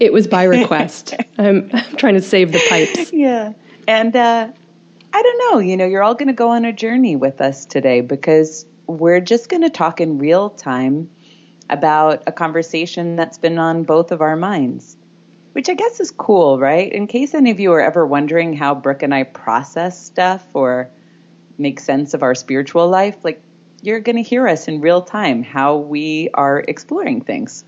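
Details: Adult woman speaking; Normal voice.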